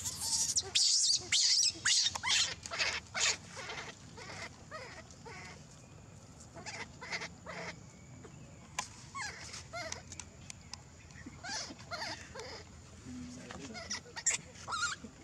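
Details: Rapid series of short, high-pitched squeaking cries with quiet gaps from a newborn baby monkey; infant animal crying.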